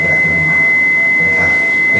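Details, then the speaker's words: A steady, continuous high-pitched tone from a defibrillator during a training demonstration, signalling the selected energy is charged and the shock button can be pressed; the charge is dumped if no shock is given within 30 seconds. "เมื่อพลังงานขึ้นถึงค่าที่กำนดนะครับจะมีตัวเลขแล้วก็จะมีเสียงยาวๆงได้ยินนะครับแล้วก็กดปุ่มช็อกนี้"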